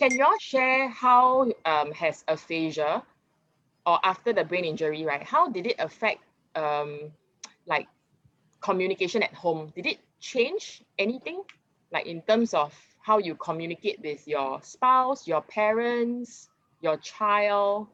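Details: Adult woman speaking; ordinary speech.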